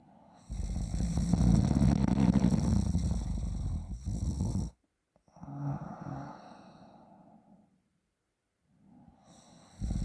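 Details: Long, loud, deep rattling snore, then a gap and a softer snorting breath from a sleeping adult; heavy snoring.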